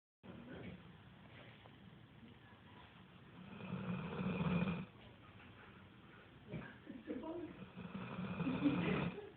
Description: my stepsons dog cam over for a visit and decided to take a nap and i caught this big puppy snoring